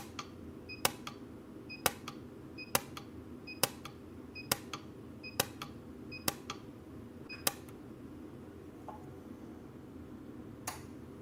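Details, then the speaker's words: Orthodontic spot welder in a dental lab, welding a soldered C clasp on a retainer with labial acrylic, the tip held at about 45 degrees to the joint: sharp electric snaps about once a second, each with a short beep, in a quiet room. "Yeah, notice you can't ever go like perfectly straight perpendicular to what you're welding. You kind of got to go at a 45-degree angle."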